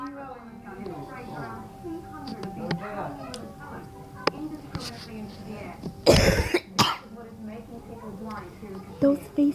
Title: Why am I laughing and coughing at the same time while I see this face "0.0"